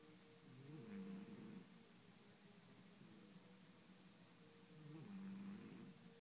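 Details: Sleeping male cat, recorded on an iPhone (described as louder in person), gives two long, low, rattling snores about four seconds apart with quieter breathing between and a faint steady hum; snoring.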